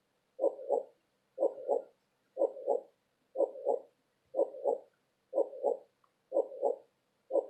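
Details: Steady, regular lub-dub heartbeat at about 60 beats a minute, soft and muffled with silence between beats, presented as a sleep aid; normal heartbeat.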